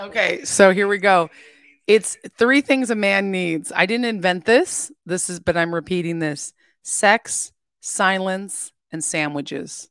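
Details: Adult woman speaking; Normal speech.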